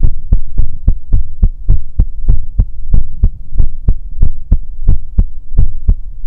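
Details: Ahri's heartbeat heard with head on her chest while she sleeps: deep, muffled, steady thuds at about 94 a minute, ordinary heart sounds through the chest wall, binaural 3Dio ASMR recording; normal heartbeat.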